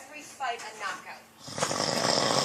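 Rough, rattling snore sounds with breathy noise, then a loud hissing rush of air; snoring.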